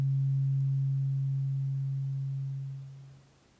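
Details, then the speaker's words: Second tuning fork, a slightly higher but still low frequency, struck in a role-played relaxation hearing test: a steady, pure low hum that fades over about three seconds. "moving on now this one's a second slightly higher frequency but still nice and comfortably low okay"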